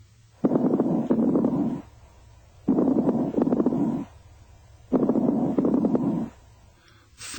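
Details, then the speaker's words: Fine crackles heard through a stethoscope over three breaths: soft, high-pitched, very brief intermittent popping, often accompanying congestive heart failure. "crackles are soft, high-pitched, and very brief and often accompany congestive heart failure."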